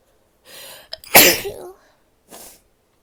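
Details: A female takes a quick catching breath, then gives one sharp, forceful sneeze and a short breath after it; a single sneeze.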